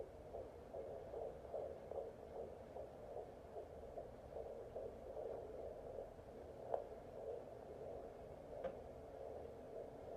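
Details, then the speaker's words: Fetal heartbeat on a home fetal Doppler (Jumper JPD10056), mother lying flat: fast, galloping rhythmic whooshing pulses about 150 beats a minute, distinct from the mother's slower heartbeat. "So if it's slow and like a, then that's mine. And then if it's like galloping, it's babies."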